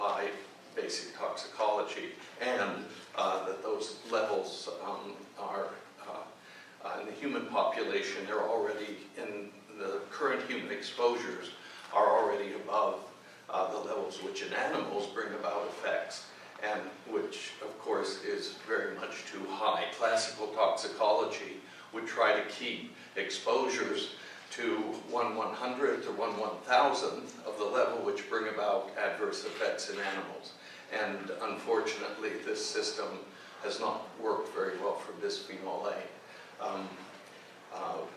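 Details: Adult male speaker with essential tremor affecting his voice and hands, which ended his surgical work; voice tremor (essential tremor).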